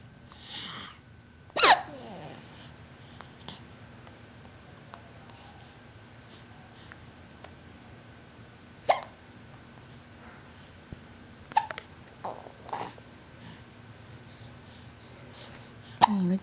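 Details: 3-month-old with hiccups going on for about 15 minutes: five sharp, abrupt hiccups at irregular intervals over about 16 seconds, against quiet room noise.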